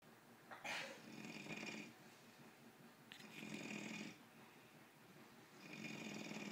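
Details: Person asleep on a recliner snoring: rough, rattling snores on each breath in, about 26 breaths a minute, with a hissing breath out between them.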